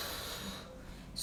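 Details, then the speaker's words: Imitated normal vesicular breath sound on expiration, given while teaching lung auscultation for ICU patients: a soft, breathy rush of air leaving the lungs, the normal murmur of air moving in a closed cavity. "isso esse barulho é o som que a gente tem lá dentro do pulmão por isso é chamado de som pulmonar ou murmura veicular normal é um murmuro é um som que tem que estar lá dentro porque o ar tá entrando e o ar tá saindo dentro de uma cavidade fechada"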